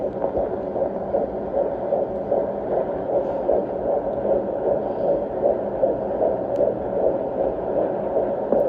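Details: Fetal heartbeat on Doppler at a 16-week OB appointment, at 15 weeks 2 days pregnant, rate in the 150s: fast, regular whooshing pulses, strong and steady, a healthy heartbeat.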